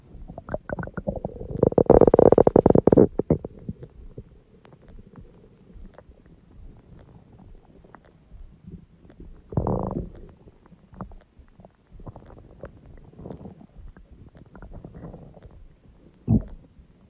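Loud gurgling and rumbling bursts of stomach growling with quieter bubbling between; ordinary bowel sounds.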